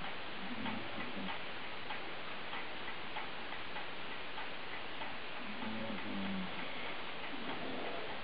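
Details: Sleeping dog snoring: two low, buzzing rumbles about five seconds apart over steady background hiss.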